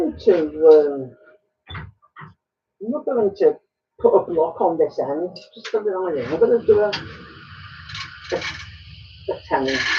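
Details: Man with Tourette syndrome whose speech is interrupted by snorting and laughter tics; vocal tics (Tourette syndrome).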